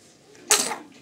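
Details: Young child sneezing in the morning: one short, sharp, hissing sneeze burst over quiet room noise.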